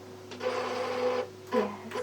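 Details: Real optometrist eye examination during a refraction test, with the patient comparing lens one versus two: mechanical whirring and clicking as the phoropter switches lenses, a normal device sound.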